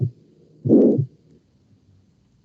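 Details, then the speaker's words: Aortic stenosis murmur: a systolic murmur at the valve between the left ventricle and the aorta. "ahora la estenosis aórtica pues obviamente igual va a hacer este en el soplo va a ser histórico"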